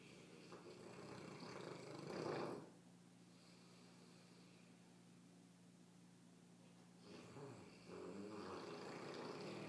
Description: Tired puppy catching some ZZZ's snoring like a freight train!